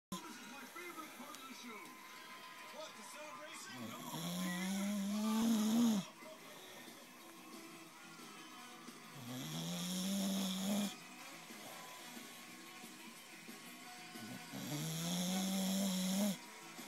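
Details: Bulldog asleep in bed snoring loudly: three loud, drawn-out snores with a rising whistly drone on each breath, about 12 a minute, over faint background sound.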